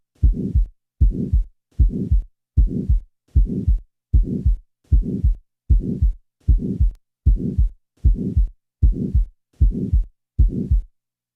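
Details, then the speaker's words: Typical mid-systolic (ejection) murmur: crescendo-decrescendo, beginning shortly after S1, peaking mid-systole and diminishing clearly before S2; regular rhythm near 77/min. "listen now to a typical mid-systolic murmur note carefully the fact that the murmur diminishes clearly before the second sound"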